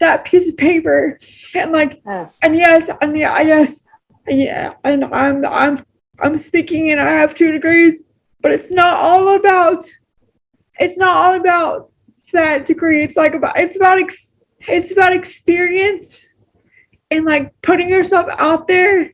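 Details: Adult woman with cerebral palsy, a wheelchair user, speaking naturally in a real conversation; she notes pronouncing words takes extra effort; speech in cerebral palsy (possible dysarthria).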